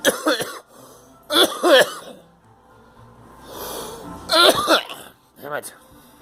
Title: Coughing